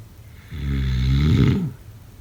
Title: #snoring #snoringasmr #snoringsounds #snoringsleepingsoundeffect #sleepnoises